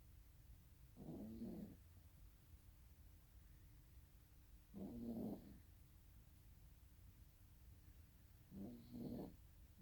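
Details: Sleeping pet snoring: soft, low rumbling snores, roughly three in ten seconds, each a brief double-pulsed snort against quiet room noise.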